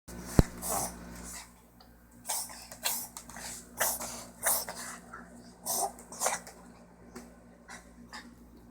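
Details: Repeated short, harsh hacking bursts from an animal, an unusual coughing pattern, over a low steady hum; abnormal cough.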